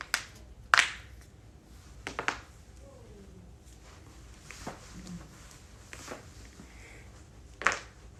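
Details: Sharp, dry pops and clicks, about seven in eight seconds, from joints cracking (neck and back cracking per tags) in a quiet room; joint cracking (cavitation) compilation.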